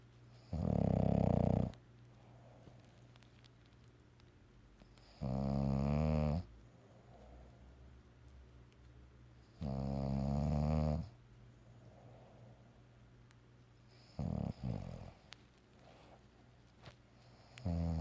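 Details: Bulldog snoring and dreaming during an afternoon nap: loud, low, rattling snores about every four seconds, five in all, with quiet room noise between.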